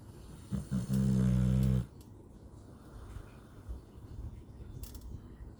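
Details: 9-year-old male husky lying on a couch, snoring: one loud, low, rumbling snore lasting about a second, then quiet breathing and room noise.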